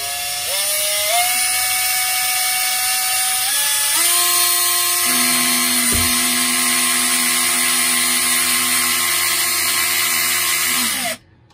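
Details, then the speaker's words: A high motor whine runs steadily for about eleven seconds, shifting pitch under load, then stops: a surgical drill boring an anchor hole through a guide in arthroscopic Bankart repair and capsular plication practice on a sawbone shoulder. "이렇게 해서 여기 있는 스타일러스를 빼고 뺄게 드릴로 구멍을냅니다"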